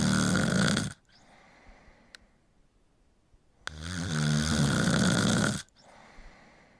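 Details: Snoring sound effect.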